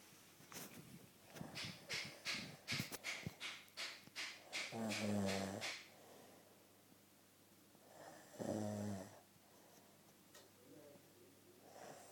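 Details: Rough snuffling breaths, then two long, low, rattling snores several seconds apart; snoring during sleep.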